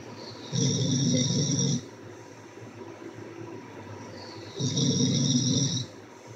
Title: #Live Listen to this frickin snoring lol